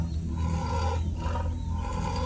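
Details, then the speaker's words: Deep, rumbling, labored breathing with a coarse chest rattle from an old injured wild tiger in a rescue centre, thought to be due to infection; labored breathing with chest rattle. "you can definitely hear the rattle in his chest exactly what do you think could be the reason for his labored breathing some kind of infection set in so that makes them very uncomfortable when he is breathing in"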